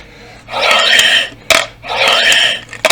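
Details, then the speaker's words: Adult using an incentive spirometer (three-ball breathing exercise device) after recent illness: two long forceful blows with rushing, rattling airflow, keeping all three balls raised; lung and abdominal muscle exercise. "yukarı çıktığınız zaman biraz daha üflemeye devam ederek biraz Orada kalsın Yani biraz fazladan üfleyin yukarıda üçü birden kalsın yukarı doğru ya"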